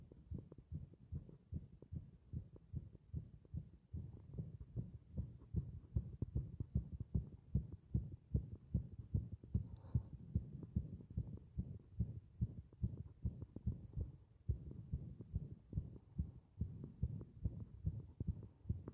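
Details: Heart shown beating against compression: rapid, muffled low thumping heartbeat, roughly 150 beats a minute, steady but somewhat uneven in strength.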